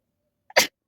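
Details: A catch of breath, then one sharp, explosive sneeze, deliberately triggered with a stick in a sneezing challenge.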